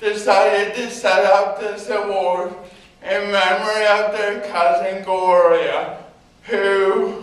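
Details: Adult man with cerebral palsy giving a talk about his own life; dysarthric speech in cerebral palsy.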